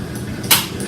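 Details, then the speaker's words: Mechanical (artificial) heart valve heard at a distance: single sharp, crisp click over room noise, like a ticking watch, the sound of the mechanical valve closing. "I have this little video because it's fairly neat when you do a distant area kind of sounds like a clipping of a watch"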